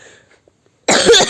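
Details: Single short, harsh cough burst from a child after a moment of silence, recorded while animating a drawing; cough.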